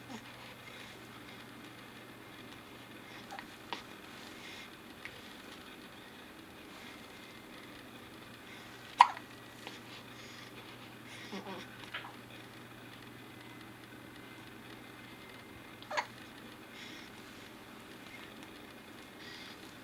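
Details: Ryland having hiccups: a few brief, sharp, isolated gulping clicks spaced several seconds apart in a quiet room.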